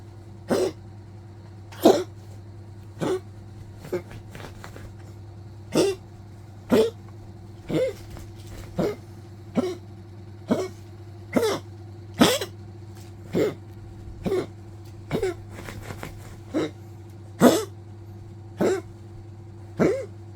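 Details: Old Poodle coughing nonstop, scratching at the bed, then tiring and resting: a long run of short, dry coughs, about one per second.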